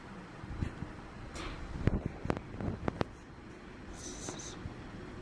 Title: Cute puppy sneezes